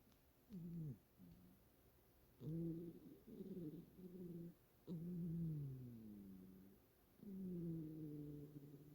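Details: Loud, low, buzzing, slightly tonal snores rising and falling with each breath of a sleeping Siberian cat, not overweight or sick, snoring from its sleeping position.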